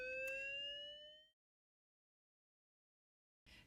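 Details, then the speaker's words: A manual monitor-defibrillator charging for synchronized cardioversion once the R wave of the QRS complex is flagged: a rising electronic whine that stops abruptly. "Once you're happy with it flagging the R wave of the QRS complex, you're ready to start charging your machine."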